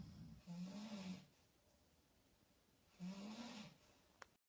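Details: Parents snoring: two long, low, buzzing snores on breaths in, about two and a half seconds apart, with quiet pauses between; ordinary snoring.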